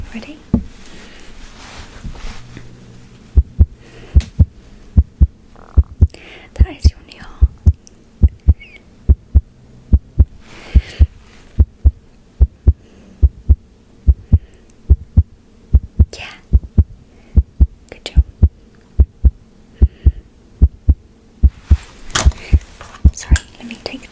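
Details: Simulated ASMR roleplay of a post-heart-surgery checkup: steady heartbeat through a stethoscope at about 73 beats a minute, with soft rustling and faint whispering; normal heart sounds.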